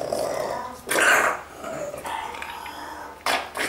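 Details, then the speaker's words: Dog with brachycephalic syndrome: harsh, high-pitched whistling noise on inspiration, inspiratory stridor indicating upper airway obstruction. "questo un paziente che ha stridore lo stridore ci dice linea di massima che c'è un ostruzione di pendolari"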